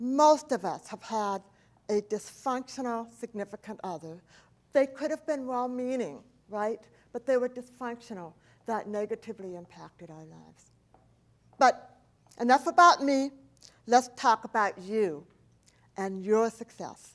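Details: Adult woman who is profoundly hearing impaired, having lost about two thirds of her hearing at age 4 from a 106-degree fever; does not hear S, CH or T sounds; deaf speech (speech impairment from profound hearing loss).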